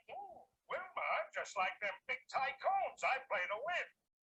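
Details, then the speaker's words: Simulated moderate hearing loss applied to cartoon dialogue: the audio sounds thin and filtered, with the words hard to make out; in this simulation the low pitches are heard better than the high pitches. "these are hearing loss simulations i'm just gonna do this one this is flintstones"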